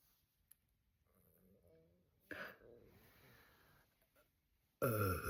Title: Even water makes me burp ;)) #tummy #bloated #burping #gassy #loudburp #soda #bellyfat #bloating #yt